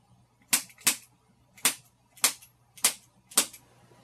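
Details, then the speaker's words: Six sharp, crisp popping clicks within about three seconds: joint cavitation (gas release) during a chiropractic neck manipulation of a female headache patient as she turns her head and breathes out. "now what you'll do is you'll hear a popping noise and that popping noise is just gas being released from the joints that gets caught in there"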